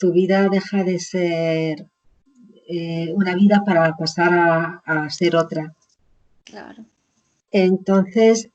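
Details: Woman with chronic aphasia after a stroke about 20 years ago, still in ongoing therapy; she reports now speaking more slowly and making more errors; aphasia.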